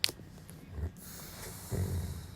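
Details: Man asleep in someone else's bed after being told not to fall asleep: two low, rattling inspiratory snores about a second apart over faint room hiss; ordinary sleep snoring.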